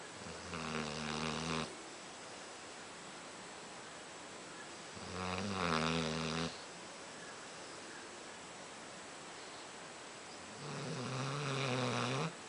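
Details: 9-month-old pit bull dog snoring while asleep; three loud, buzzing snores about five seconds apart, roughly 12 breaths a minute, over steady room hiss.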